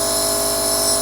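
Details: Nebulizer running with saline solution for sinus congestion, suspected mold-related sinus issues and colds, user taking deep breaths through nose and mouth; steady high-pitched compressor hum and hiss producing mist.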